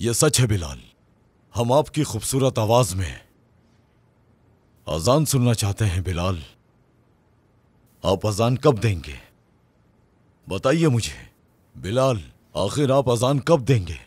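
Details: Adult male voice, acted dialogue; normal speech.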